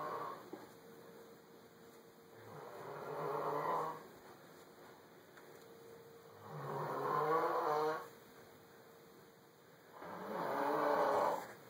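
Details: Slow, rhythmic rattling snores, three in about twelve seconds, with quiet gaps between; sleep snoring.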